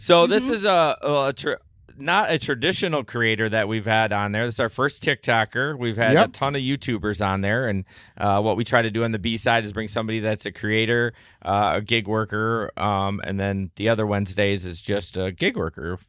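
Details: Adult male speaker; typical speech.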